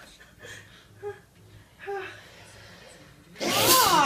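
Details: Sneeze from a sleeping person: faint voiced breaths build up, then a loud, explosive sneeze bursts out at the end.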